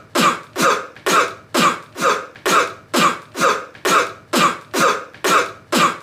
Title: 1 minute cough